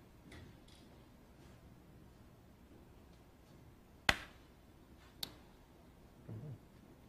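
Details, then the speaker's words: Two sharp, isolated clicks about a second apart: single transcranial magnetic stimulation pulses over the head, targeting the hand area to set motor threshold in a depression patient; the pulse was strong and caused an involuntary hand movement. "yeah that's a strong ado so we go down a little bit it's a strong so it's an involuntary movement that shows that the electromagnetic waves are penetrating through the skull to the brain"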